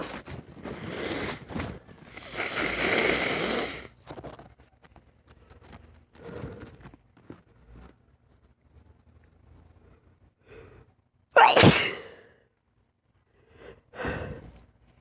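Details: Several sneezes close together, one loud burst and a smaller one after. This is a lifelong sneezing bout that comes out of the blue, lasts 3–5 minutes, and which the person says is not allergic and has no itch.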